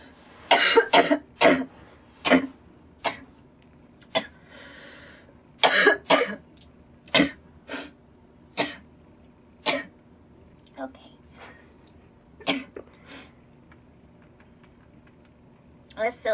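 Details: Girl coughing after smoking: about fifteen harsh, dry coughs in bursts and singles with throat clearing, in a quiet room.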